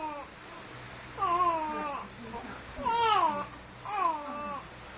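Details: Baby with hiccups making baby sounds: three short falling wails with fussing between them in a quiet room; brief infant crying.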